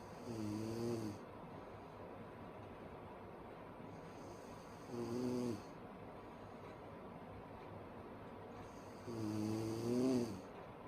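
Three loud, drawn-out tonal snores on inhalation, about 13 a minute, separated by quiet breathing; loud snoring.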